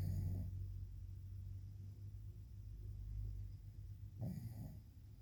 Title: DOG SNORING LIKE HE PAYS BILLS. WAKING ME UP #helpmemakethismakesense #sleepydog